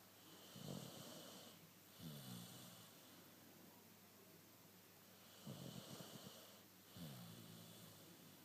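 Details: Dog snoring: rough, buzzing snores on inhalation, about one every three seconds, with steady background hiss.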